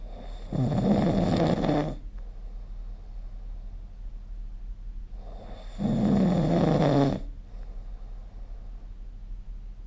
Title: 🐽 Snoring Sleep Sound